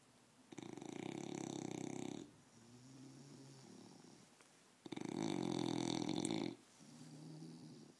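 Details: Sleeping English bulldog wearing a cone: harsh, buzzing snores on each inhalation alternating with softer wheezy exhalations, about 14 breaths a minute: snoring.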